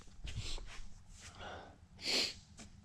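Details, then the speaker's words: Allergic sneeze attack in an art studio after an air blower stirred up dust: several short nasal bursts, then one forceful, hissing, snort-like sneeze. "oh gosh man oh man my allergies kicked in I just there's a dust storm in here today so I'm still getting the a this is the aftermath I'm about to sneeze again"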